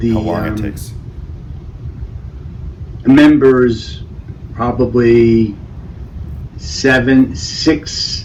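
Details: Male speaker with non-fluent Broca's aphasia after a stroke; Broca's aphasia.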